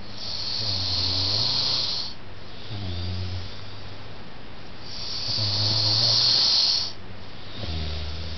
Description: beer and pizza= me snoring like a beast